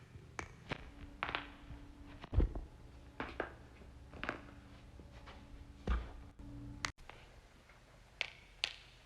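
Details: Compilation of neck and back joint cracking: scattered sharp pops and clicks at irregular intervals over a low room hum.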